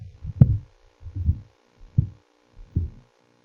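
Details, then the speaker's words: Patent ductus arteriosus in a paediatric lecture recording: low, rumbling heart sounds with a very soft S1, a loud P2 from increased pulmonary blood flow, and a continuous machinery murmur running through each beat, radiating toward the interscapular area. "The first heart sound is very soft. You may not hear it. And the pulmonary component of the second heart sound is loud due to increased pulmonary blood flow. Listen to it again. Could you identify the loud P2? It's called a machinery murmur."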